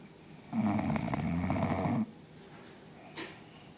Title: Spike the bulldog snoring